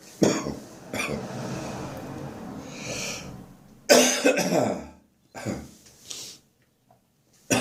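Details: Morning cough during a spring cold, becoming more chesty and wheezy: about five harsh, loose coughs with rough, noisy breathing between and a faint whistling edge, a chesty cough with wheeze.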